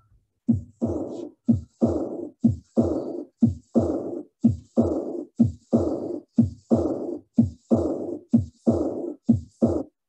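Regular heartbeat near 60 a minute, each loud second sound followed by a soft, fading blowing murmur in diastole: aortic regurgitation.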